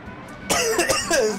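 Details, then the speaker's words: Adult with a cold coughing while playing a video game: a brief run of three or four harsh, partly voiced coughs, described as incessant. "I'm liking this music. Can't hear it over my incessant coughing."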